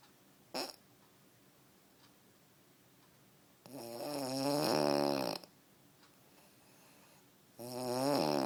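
Loud rattling snores on each breath in, with quiet breathing between them; snoring.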